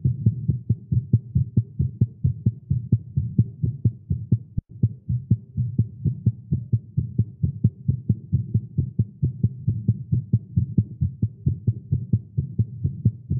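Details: Male heartbeat after exercise and caffeine: rapid, strong low thumps at about 130 beats a minute with slightly uneven spacing; fast heartbeat, tagged as irregular.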